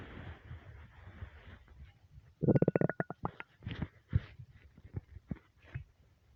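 A quick burst of low bubbling gurgles, then scattered softer gurgles and pops; ordinary hunger rumbling.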